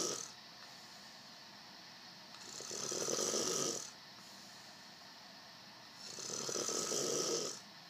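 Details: Person snoring in sleep: two slow, hissing, rattling snores on breathing in, about four seconds apart, roughly 16 breaths a minute.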